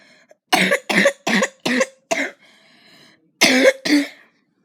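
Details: Person's own bad, worsening cough, with a squeaky voice lately: seven loud, harsh, forceful coughs in two bursts, five then two, with a brief pause between.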